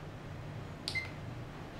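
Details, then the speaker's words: SK 602 infusion pump: a single short electronic keypad beep as the power key is held for 3 seconds to start the pump, over quiet room hum; normal keypad feedback. "well firstly you need to press power key to start the pump press it for 3 seconds you will see the pump is started"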